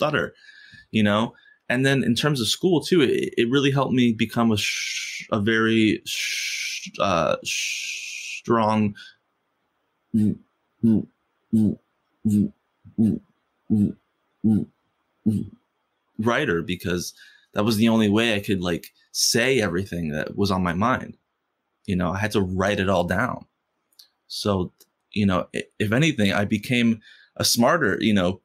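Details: Stuttering in an adult man who has stuttered since first grade and stutters most when asking people for things.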